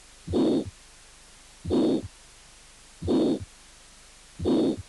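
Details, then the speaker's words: Aortic stenosis: repeated heart cycles, each with a long, harsh ejection systolic murmur that builds and fades between the heart sounds. "y estenosis aórtica con soplo directivo largo histórico wood"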